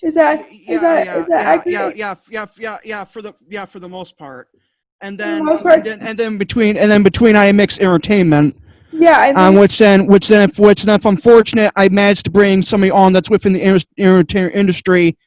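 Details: Adult male guest on a cerebral palsy community podcast, with two diagnoses, who stutters a lot, especially when unsure what to say; he attributes it to his other diagnosis. Finding: stuttering.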